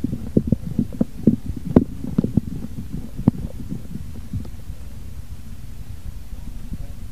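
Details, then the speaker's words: Blood pressure measurement by stethoscope during cuff deflation: soft repeated thumping Korotkoff sounds over a low hum, fading to silence as cuff pressure falls below diastolic; Korotkoff sounds. "hilangnya suara dianggap sebagai tekanan darah diastolik dikurangi 2 mm HG setelah suara terakhir terdengar sekarang coba dengarkan dengan tenang bunyi korotkoff"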